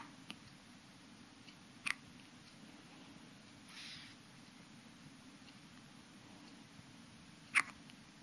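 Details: Two brief, sharp hiccups about six seconds apart in a quiet room; a pet named Keon hiccupping.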